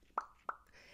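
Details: Two sharp mouth pops about a third of a second apart from a person diagnosed with Tourette syndrome at age 7; a newer, simple vocal tic (mouth popping).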